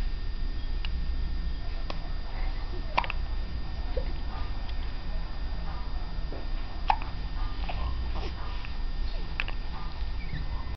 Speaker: Here's my baby who has hiccups. She gets hiccups maybe every other day. I'm glad she doesn't cry during hiccups.